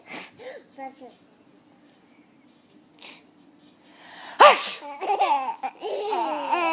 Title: Baby laughing at sneezing